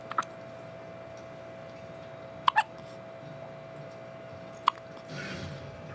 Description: 5 days old with the most adorable hiccups ever.